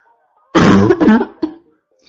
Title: constant barking cough 4 (f)